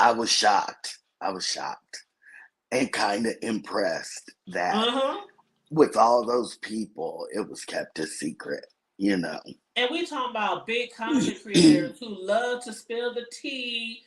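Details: Adult speaker; normal voice.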